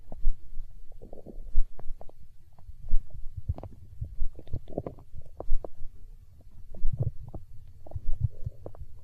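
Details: Stomach growling from hunger, with low gurgling and rumbling bowel sounds in irregular bursts: borborygmi.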